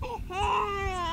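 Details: A 2-month-old baby girl crying on her first car ride: a brief, rising, sustained wail of ordinary distress.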